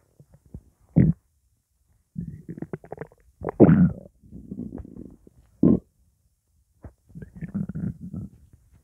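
Several low gurgling, grumbling bursts with quiet gaps between; ordinary hunger rumbling of an empty stomach.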